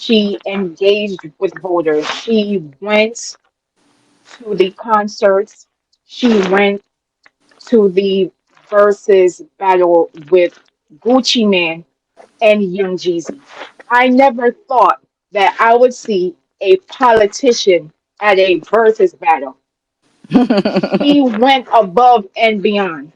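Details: Adult woman, real, self-reported speech impediment that she calls her "disability", which the host notes she works through; speech impediment.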